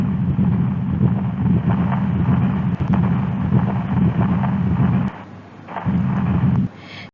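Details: Pediatric cardiac examination teaching: a loud, harsh, unbroken rumbling murmur running through both heart phases without a gap, a continuous machinery murmur of patent ductus arteriosus.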